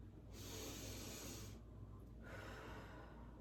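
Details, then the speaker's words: Respiratory assessment, one slow deep breath in and out, long smooth airflow with steady exhalation; examiner reports normal bronchovesicular sounds upper chest and vesicular sounds lower chest and under the armpit: normal deep breathing. "okay so I heard all normal lung sounds very clear up here I heard Branko vesicular and then down here miss secular as well as underneath the armpit vesicular and those are all normal lung sounds"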